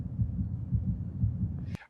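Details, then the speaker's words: A participant's heartbeat, detected by a sensor at the art installation "Pulse Topology" and played as sound through its speakers: low, muffled rhythmic thumps with room noise. "um you can't hear it so well well maybe if i shut up you will you can hear um the heartbeat of i believe this is"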